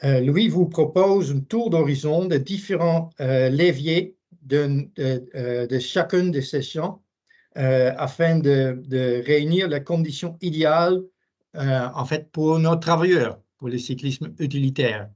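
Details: Adult man speaking French; normal voice.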